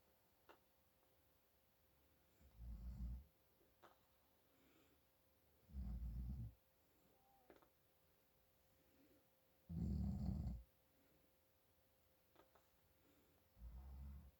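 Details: Deep, low rumbling snores, about 15 a minute, with faint room hum, from an adult man snoring from congestion.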